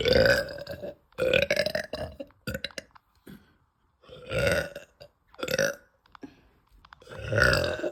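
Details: Young woman, bloated, burping loudly after eating: several loud, long burps in a row with short pauses between them; repeated belching.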